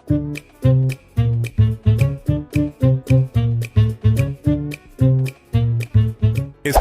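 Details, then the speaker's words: Simulated mild hearing loss: plucked music sounds slightly muffled and dull, higher sounds softened, compared with normal hearing in an audiology demonstration. "Ahora, una pérdida auditiva leve podría sonar así."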